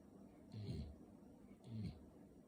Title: My puppy just snoring for 10 minutes!